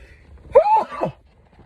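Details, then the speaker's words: Single short voiced sneeze in a quiet space, outdoors; sneezer suggests looking toward the light helps trigger a sneeze. "Excuse me. If you got to sneeze and you don't know if you got to sneeze, if you look to the light, it will help you sneeze."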